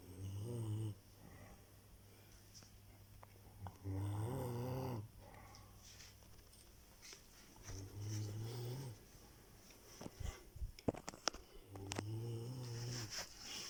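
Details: Snoring during sleep: four low, buzzing snores about four seconds apart, roughly 15 breaths a minute, with rustling and clicking near the end.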